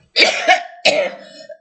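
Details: Adult woman with a very hoarse voice who reports bronchitis, tracheitis, rhinitis and sinusitis, which she attributes to microwave burns: three forceful coughs, the last trailing into a hoarse, throaty sound.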